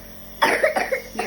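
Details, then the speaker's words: A young girl with a cold and cough, receiving nebulization with Levolin, gives a short run of three or four quick coughs. "क्या हुआ है आपको? मुझे खांसी आई है। खांसी आई है आपको?"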